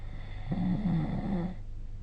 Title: 🐽 Snoring Sleep Sound